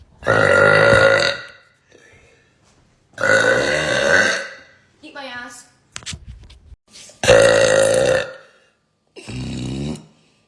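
Several long, loud, voiced belches with short quiet gaps between them, plus a few softer sounds. These are burps.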